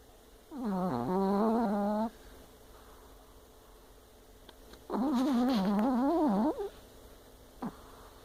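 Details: Chihuahua dog snoring in a funny way; snoring.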